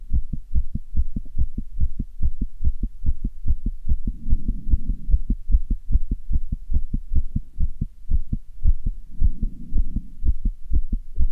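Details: Person's own heart beating fast: rapid strong heartbeats with both sounds of each beat crowded close together, valves opening and closing quickly; tachycardia.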